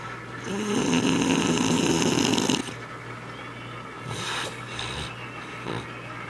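A long, loud, rattling snore on an in-breath, followed by quieter breathing with faint snorts; ordinary sleep snoring with a low hum in the room.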